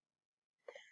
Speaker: how'd you hear that that's my dog sneezing